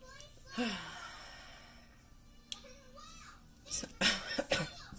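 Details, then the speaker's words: Adult with a tickly throat coughing while talking; cough. "my cough is ridiculous Mike tickly throat"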